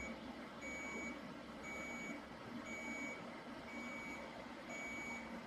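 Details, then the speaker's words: Steady high beeps about one a second over a fan hum: a Chattanooga Lightforce XLi 40 W laser pacing the probe, held 1 cm off the skin in a grid, treating a 40-year-old woman's knee osteoarthritis. "Now what you'll see on this device is a green light. Now this is a traffic light system which the Lightforce therapy includes to ensure that I'm working at the correct speed"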